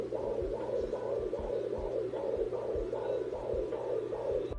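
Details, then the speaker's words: Fetal heartbeat on a SpringBud FD-500B home fetal Doppler, probe rocked on the abdomen: rapid, regular whooshing pulses about 150 a minute, expected range 120–180. "this will be a lot faster than any adult's heartbeat"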